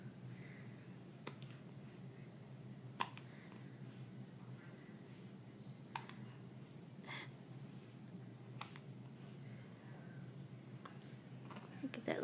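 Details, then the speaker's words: Ordinary hiccups in an infant girl, her first hiccups: soft, sharp little clicks repeating every one to three seconds. "with the hiccups. You sweet girl."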